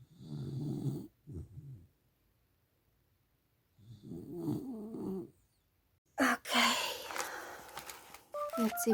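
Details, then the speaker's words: Dog snoring in the background while sleeping beside the owner: two low, rattling snores about four seconds apart, followed by rustling and handling noises; ordinary snoring. "by the way as usual I'm deeply sorry if he hear the dog snoring in the background but as usual she wanted to be here got too excited and now she sleeps here"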